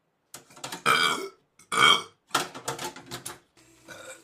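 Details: Man belching after drinking beer and eating: two long, loud belches with several shorter croaky burps between, in a quiet room; burping.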